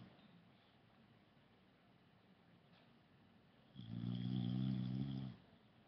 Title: snoring dog